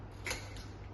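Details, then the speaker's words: Metered-dose inhaler, shaken then fired into a spacer held in a girl's mouth while correct inhaler use is taught: a single short hissing puff over low room hum, followed by five long breaths in. "എന്നിട്ട് ഇത് വായിൽ വെച്ചേ എന്നിട്ട് ഞാൻ ഒരു വട്ടം അടിച്ചു തരാം"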